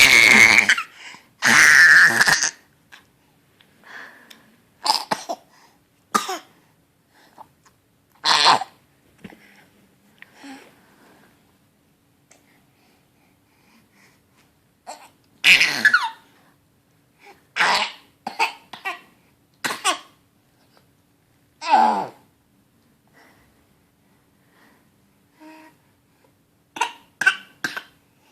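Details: Dog after swallowing a tag: repeated harsh, dry, hacking cough bursts with retching-like throat clearing.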